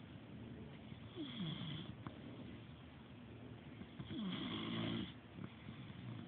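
Two rough, rattling breath sounds with a throaty, sliding quality over steady background noise; snoring.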